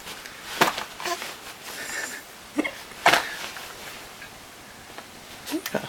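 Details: Infant with hiccups: several short, sharp catching sounds at irregular intervals.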